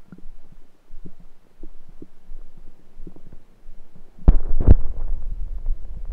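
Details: Self-recorded with a USB stethoscope on the belly: soft low gurgles, then a louder rumbling burst near the end, normal bowel sounds (borborygmi).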